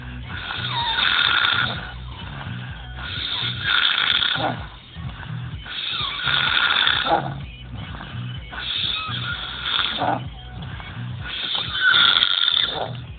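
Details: Loud ordinary snoring from a sleeping man: repeated rasping snores with each breath, roughly twelve a minute, with a whistling edge.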